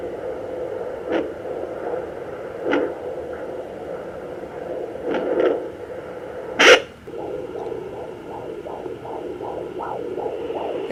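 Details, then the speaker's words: Normal strong fetal heartbeat in a female fetus past 16–18 weeks, found with a 3 MHz home fetal Doppler over the abdomen: hiss and probe scraping, then fast, regular whooshing beats around 140–150 per minute. "she is good strong heartbeat you guys will see in the top right corner when the heart is lighting up that means that you found the heartbeat"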